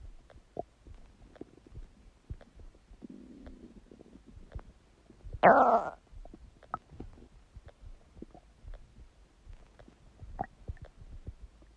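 Quiet ticking and bubbling, then one loud, drawn-out gurgle rising in pitch; ordinary stomach gurgling.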